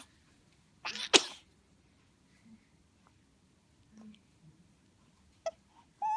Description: New born baby girl sneezes for the first time and then realizes she doesn't like it!